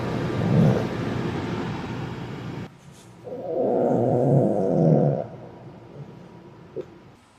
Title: Rotten inulin farts and burps